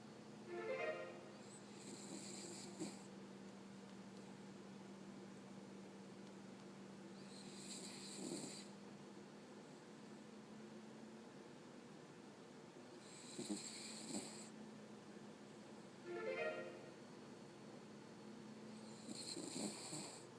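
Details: Gentle snoring in a sleeping dog: soft, whistling breaths repeating about every five to six seconds under a steady background hum.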